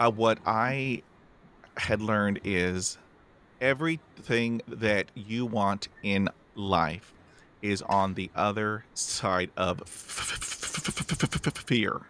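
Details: Adult podcast host who stammers, speaking about his own stammer, with part-word repetitions; stuttering.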